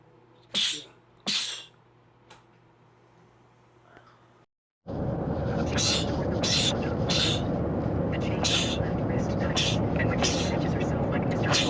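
Two quick sneezes, then a run of rapid bursts over loud background noise and talk, from a compilation of sneezing attacks.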